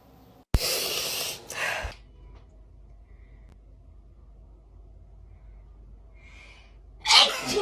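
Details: Sneezing induced by garlic placed in the nose to try to clear the sinuses: one loud, explosive sneeze and a short breathy after-burst, then quiet room noise and the start of another.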